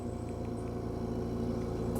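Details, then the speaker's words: Philips Respironics EverFlo 5 L/min oxygen concentrator switched on after power testing, during a biomedical equipment training check: steady low mechanical hum and drone with faint intermittent higher ticks, a running oxygen concentrator. "So once we get the power tested, and what we have to do now is to turn on the unit to make sure that we got the power is on and the unit is running."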